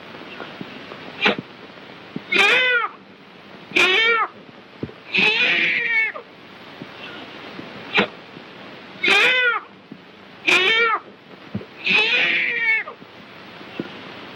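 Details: Six short, high-pitched wavering cries in about fourteen seconds over old-film hiss: a newborn girl crying just after delivery in a 1938 film.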